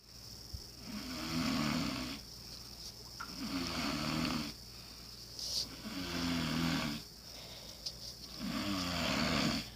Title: Sister snoring while sleeping lol